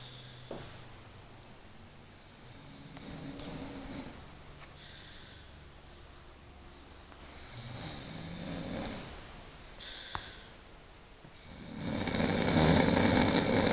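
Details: Pregnant sleeper snoring loudly: slow, rasping snores with each breath, about four cycles in fourteen seconds, growing louder toward the end.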